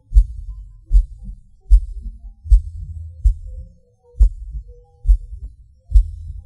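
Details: Self-recorded heartbeat with PVC/PAC premature beats, felt as a sudden rush or falling: low thumps at about 76 a minute with uneven spacing, a longer pause and a hard beat.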